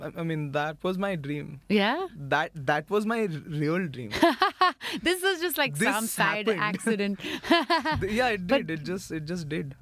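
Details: Stuttering (stammering) in a 26-year-old man, a singer and composer, whose stammering got in the way of his childhood ambition to become a pilot.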